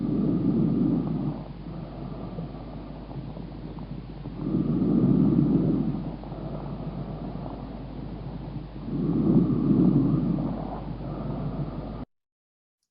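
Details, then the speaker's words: Recap example of normal vesicular breath sounds: soft, low rustling breaths swelling and fading about 14 times a minute. "let me show you just um a little bit of a recap um from the vesicular sun it's like this"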